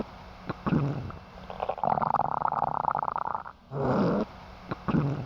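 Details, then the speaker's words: Hyperactive bowel sounds on abdominal auscultation with a warmed stethoscope diaphragm: loud, continuous, high-pitched rushing and tinkling gurgles signalling increased gut motility. "hyperactive bowel sounds are loud continuous high-pitched rushing and tinkling sounds that signal increased motility they sound like this"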